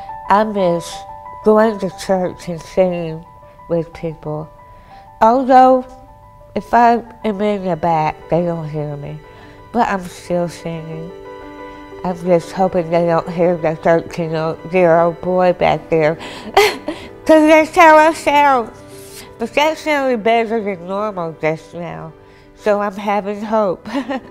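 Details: Dysarthria in an adult woman after partial glossectomy for squamous cell carcinoma involving more than half of the tongue, reconstructed with thigh tissue; speechless for three months, then relearned speech with a speech pathologist.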